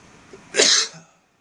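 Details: Sneeze induced with floss: a single explosive, hissing burst after a brief quiet lead-in.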